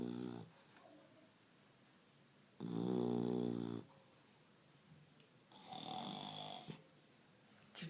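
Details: Chow Chow puppy snoring during sleep: two loud rattling, vibrating breath sounds separated by quiet pauses in a small room; snoring.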